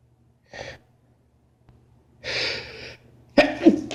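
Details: Adult male having a sneezing fit at work: a quick run of three sharp sneezes, the last the loudest and most voiced.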